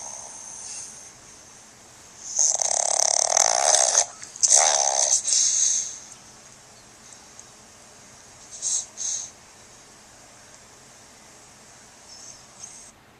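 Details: Snoring in a sleeping pug, a flat-faced dog: loud, harsh, hissing snores with snorting breaks, then quieter snuffles, from noisy breathing through a narrowed airway. Recorded on a Flip Video camcorder.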